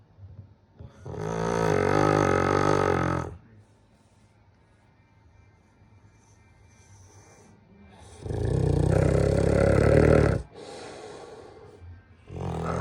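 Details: Very loud, deep rumbling snores of two to three seconds each, with quiet gaps between breaths, from a sleeping dog; heavy snoring.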